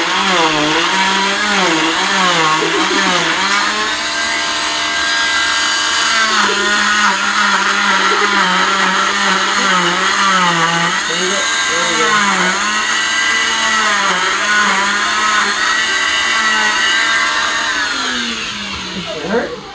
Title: I got my cast off!!!!!